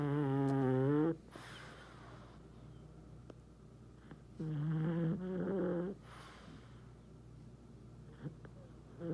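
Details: Snoring: two loud, buzzing snores about four seconds apart with quiet gaps between, in a small quiet room.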